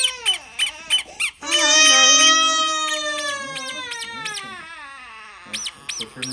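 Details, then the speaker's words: A 21–22-week-old baby cries in a long wailing burst after a vaccination, with short high whimpers before and after and a parent's voice nearby. "it's a vaccination you can turn off oh i thought it was easy easy you cried though"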